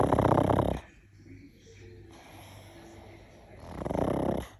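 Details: Paddington the pug, flat-faced dog asleep: two loud, rumbling, fluttering snores with a quieter wheezy breath between; snoring.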